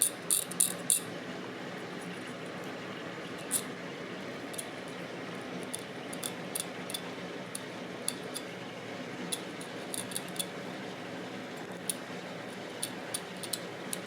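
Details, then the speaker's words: Hand scaler scraping teeth during a dental cleaning for stain and tartar, smoothing remaining grainy tartar after ultrasonic scaling: faint room hiss with scattered short, high scratchy clicks and scrapes. "that that was everyone's favorite noise was of course sarcastic so funny to me lots of people actually say it's like nails on a chalkboard"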